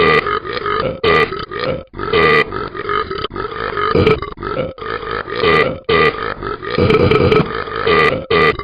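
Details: Simulated burping from the Talking Ben the Dog cartoon app: a run of long, loud, rumbling burps repeating almost without a break.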